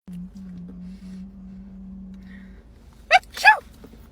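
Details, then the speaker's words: Acted comedy sketch of a woman sneezing on her boyfriend: steady hum, then a sharp two-part sneeze burst; sneezing. "ain't no damn way you just sneezed on me, man."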